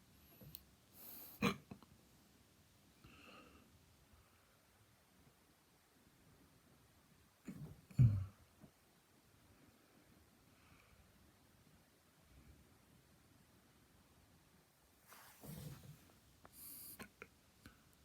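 Quiet room with a few abrupt, brief gulping catches recurring irregularly, about nine a minute. These are hiccups.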